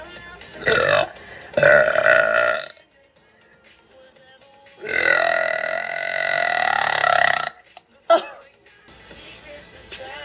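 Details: Girl belching during a live stream: several long, loud voiced belches with quiet pauses and faint background music; repeated burping.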